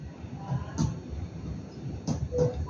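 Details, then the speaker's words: Abdominal percussion of an adult male patient during a physical exam, starting at the right lower quadrant. Three soft taps give a hollow tympanic note, the normal abdominal percussion sound. "Terdengar suara timpani."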